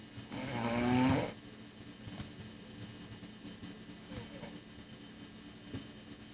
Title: 1996 Snoring LOL